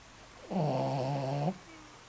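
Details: 14-year-old Shih Tzu snoring loudly in deep sleep: one loud, rough, buzzing snore about a second long with a low rattling tone; ordinary snoring.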